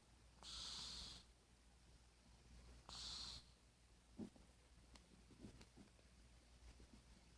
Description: My cat Spookie snoring.